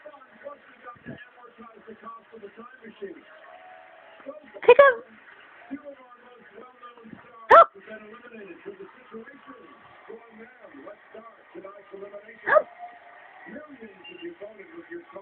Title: super cute 1 month old hiccups